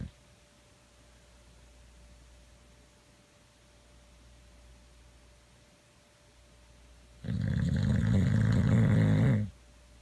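Quiet room, then one loud, deep, fluttering snore lasting about two seconds from a short-nosed dog.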